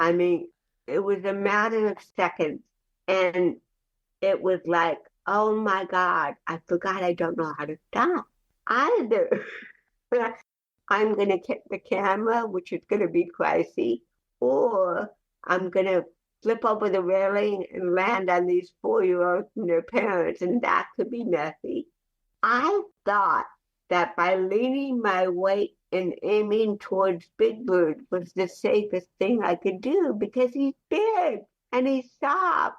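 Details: Dysarthria in an adult woman with cerebral palsy since childhood, who is also hearing impaired; real conversational speech.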